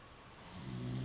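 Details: Snoring Dachshund having a hard time sleeping because of his snoring: a brief, low, rumbling snore building over one breath while asleep.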